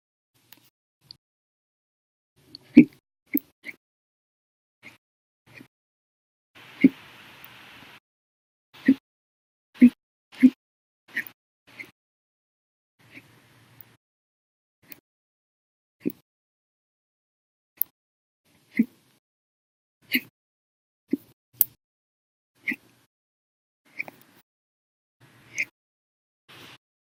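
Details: Adult's violent, loud and silent hiccups lasting over 13 hours after eating breakfast, lunch and drinking soda after dinner: sharp, brief gulping clicks recurring irregularly, some loud, some faint.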